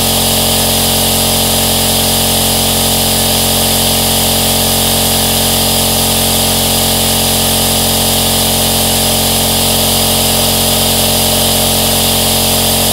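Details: Steady, unbroken mechanical hum with a low motor buzz and strong airflow hiss: an aerosol nebulizer compressor running continuously, offered as a long white-noise recording.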